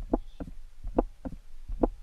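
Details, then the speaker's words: Steady, regular heartbeat with paired lub-dub thumps at about 70 beats a minute; a normal heartbeat. "This is somebody's heartbeat. This isn't mine."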